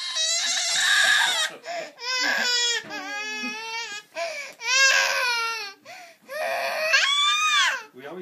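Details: Infant niece crying in loud, high-pitched bursts separated by brief gasping breaths, in a small room.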